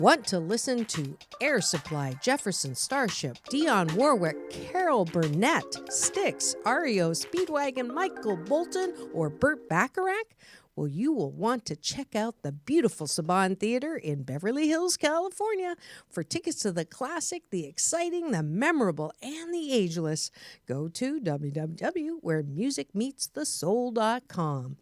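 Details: Adult speaker; normal speech.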